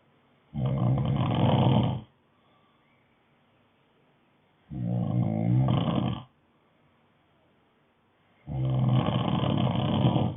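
Three loud, rough, low snores on breathing in, about every four seconds with quiet gaps between: snoring.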